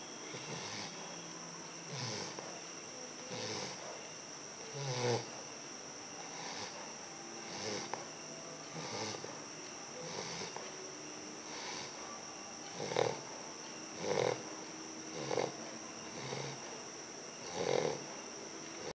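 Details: Sleeping bulldog puppy; soft, irregular snorting snores, some louder and rougher, over a steady high-pitched background hum; snoring.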